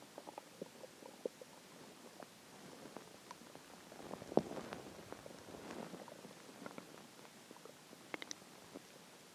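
Soft gurgling and bubbling stomach noises with scattered pops: normal hunger growling (borborygmi).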